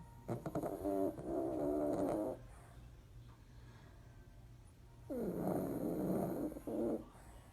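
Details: Snoring during sleep: two long, fluttering snores with a quiet pause between them.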